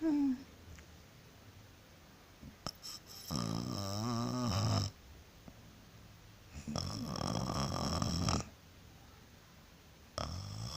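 Two long, rough, vibrating snores about three seconds apart, with a third starting at the end, over quiet room noise.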